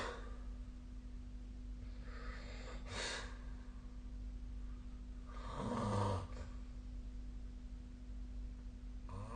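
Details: Sleep snoring recorded with the SnoreLab snore app on 2025-01-15: low, rough breathing noises with a louder rattling snore against a steady room hum.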